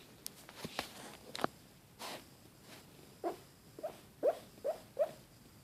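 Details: Pug dog sleeping, giving soft high squeaks and whimpers among quiet breaths, five close together near the end; squeaky noises during sleep.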